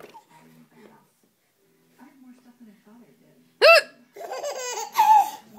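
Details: Hiccups: a sudden loud hiccup-like catch, then a young child's high laughter at it, with soft talk before.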